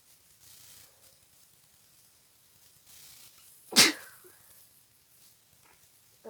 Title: Very congested sick sneezes